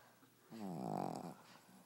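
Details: A single low, rumbling, fluttering snore of about a second from a sleeping dog in a quiet room: dog snoring.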